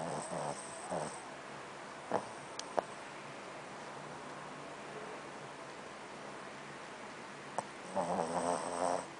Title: my dog snoring